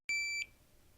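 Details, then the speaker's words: Philips HeartStart OnSite AED demonstration: a single clear, high-pitched electronic beep, about a third of a second long, as the on button is pressed and the defibrillator switches on. "set the aed on the same side of the patient as you press the on button"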